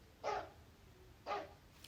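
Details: Child with croup: two short, harsh, seal-like barking coughs; croup is inflammation of the larynx and subglottic airway causing a barking cough and inspiratory stridor.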